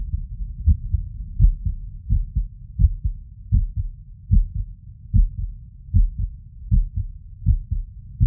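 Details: Stethoscope diaphragm at the tricuspid valve area after exertion: paired heart sounds at about 78 a minute with slightly uneven spacing between beats, heart sounds with arrhythmia.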